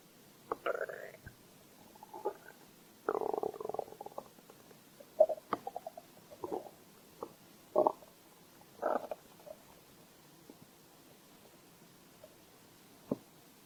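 Irregular gurgling and rumbling bursts with quiet gaps between them; ordinary stomach growling from gut movement, often with hunger.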